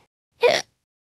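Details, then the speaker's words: A single short, sharp voiced gulp from an AI-generated voice, a simulated hiccup by a cartoon character. "I've had it hiccups it's all day and it's driving me mad"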